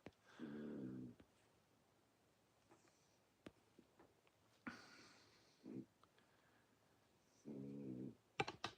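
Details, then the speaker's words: Dog snoring while lying on the floor, sleeping with its eyes open. "No, that's the uh dog. He uh his mother's not here. So, he's laying on the floor and staring at us and he's down there snoring."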